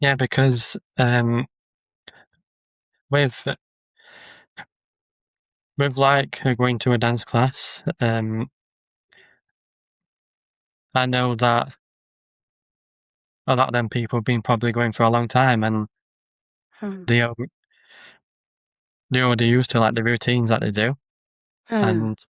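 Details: Adult man with a stammer who makes social media videos of ordering and talking to people to build confidence; word and phrase repetitions and pauses; stuttering (stammering).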